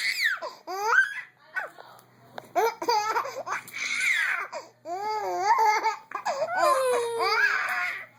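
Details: Baby boy laughing and babbling, broken by brief sharp catches typical of hiccups.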